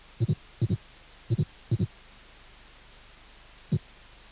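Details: Teaching recording from a cardiac auscultation course: clear paired low thumps, first and second heart sounds, with quiet gaps between and no murmur; normal heart sounds.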